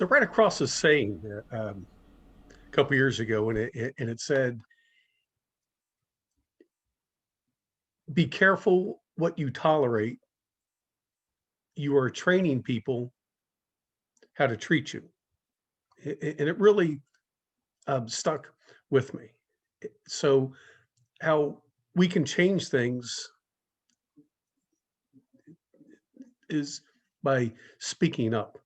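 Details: Adult woman who stutters and reports blocking as part of her stuttering; stuttering.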